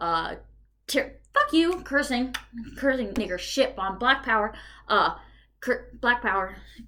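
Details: Adult woman with Tourette syndrome and OCD, whose tics became severe at 19 after trauma and are currently worse during a medication change: Tourette syndrome vocal tics (repetitive and obscene utterances).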